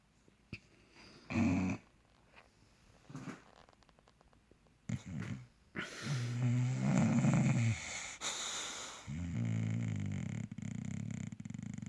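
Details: Sleeping bulldog: loud, low, rattling snores in long drawn breaths with quieter snorts between; snoring loud enough to keep someone awake.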